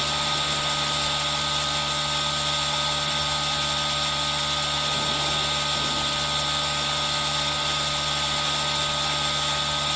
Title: ASMR: Aerosol Sound + Rain Sound | EXTREMELY RELAXING ASMR😴 | Asmr Aerosol Nebulizer